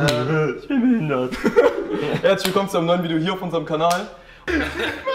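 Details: Adult; Typical speech.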